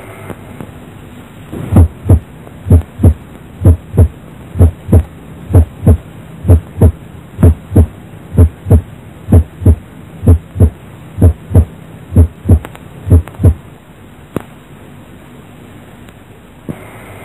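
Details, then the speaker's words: Steady, regular lub-dub heartbeat at about 63 beats a minute with no extra sounds, heard at the cardiac base; normal heart sounds. "và đây là tiếng tin bình thường người ở đáy tim"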